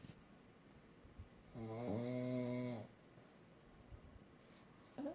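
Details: Pug dog asleep: one long, low, buzzing, tonal snore on a breath in, quiet room; snoring.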